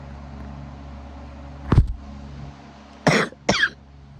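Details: Three short coughs, the last two close together, over low background hum; cough keeping the person awake.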